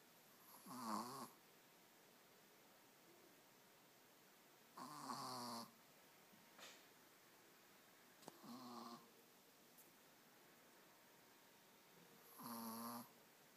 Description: This is our Teacup poodle, catching some ZzzzZzzzz